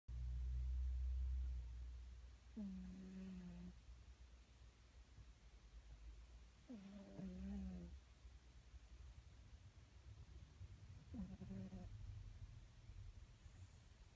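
Three low, rattling snores, one every four to five seconds (about 13 breaths a minute), over quiet room noise.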